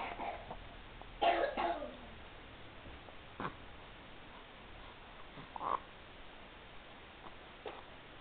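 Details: Infant's first cold: a few short, weak coughs over steady background hiss.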